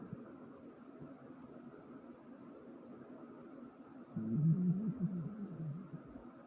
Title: My Stomach Growling